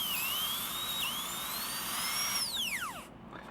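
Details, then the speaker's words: High-pitched dental handpiece whine rising as the bur makes a depth cut into a plastic practice tooth without water spray, then winding down; dental drilling training demonstration. "if I'm making a depth cut just going straight into the tooth I want to go up and down not just plunging the Burr right in"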